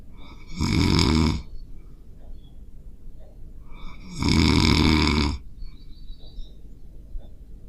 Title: POV: You wake up thinking there’s a bear in the room… it’s just your own snore